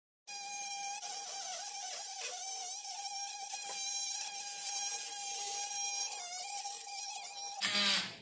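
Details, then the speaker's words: Sustained high-pitched buzzing whine of an oscillating bone saw cutting, pitch dipping under load, then winding down. It is making the femoral resection after the tibial cut in a ROSA robotic total knee replacement for a severely varus knee in a supine adult male. "Once we finish with the tibial resection, we move to the femoral resection."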